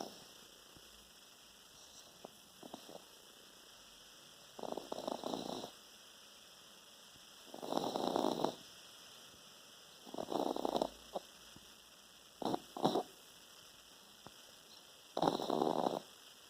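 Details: 10-week-old female French Bulldog puppy snoring while asleep: rough, rattling bursts on each breath, about five in sixteen seconds.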